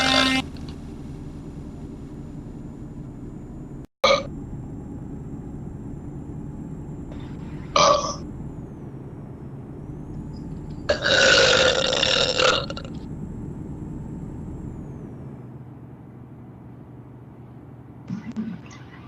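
Steady engine drone with a few short burps and one longer, louder belch over it, plus a faint tone. Burping.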